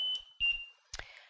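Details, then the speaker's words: LTV 950 home ventilator empty-battery alarm: piercing, steady high-pitched tone that continues until the power button is held three to four seconds, then breaks off amid handling clicks and thumps. "the Machine will say bat low to warn you that that battery's low and batt empty when it's empty it will be an ear piercing alarm that will not stop until you physically turn off the machine by holding the power button down for three to four seconds"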